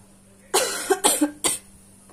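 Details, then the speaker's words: A person with a dry cough since the previous night, no phlegm, painful throat, gives three short, harsh, dry coughs in quick succession with no wet or rattling sound. "batuk kering itu emang sakit banget di tenggorokan lebih baik tuh ya lebih baik jangan batuk sih"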